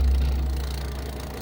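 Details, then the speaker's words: Repaired nebulizer compressor pump running after its weak-airflow fault was fixed by straightening the valve: steady low motor drone with a slight rattle. "So ang ginawa ko lang yun nga ah ini-straight ko lang para magatakip siya doon sa butas. Yan oh. M lakas na."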